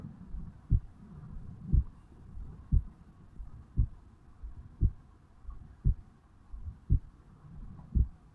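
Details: 35-year-old male, heartbeat self-recorded over the mitral valve area on waking in the morning: steady, regular low beats at about 58 a minute with soft background rumble; resting heart sounds.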